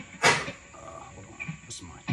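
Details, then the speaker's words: Dog cough: a single short, harsh burst against a quiet room background. "dog coughing. So that sound there at the end is what I'm looking for."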